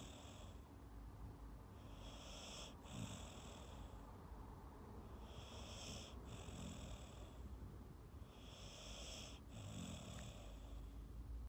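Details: Soft, light snoring from Lizzie, a sleeping Staffy Ridgeback rescue dog born 2012: three gentle whistly breaths about every three seconds over a low room hum.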